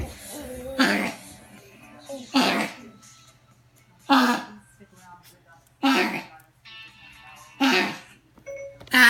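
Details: Dog with suspected heart disease (vet unsure), worsening cough with fits up to 45 minutes: six loud, harsh, forceful coughs about every 1.5 seconds; cough attributed to congestive heart failure.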